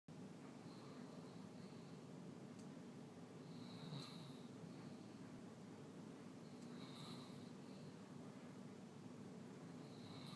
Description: Snoring, sleeping Basset Hound Gustav